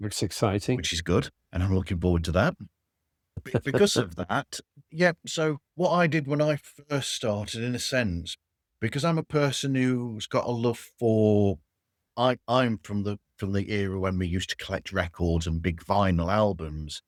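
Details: Adult man speaking; normal speech.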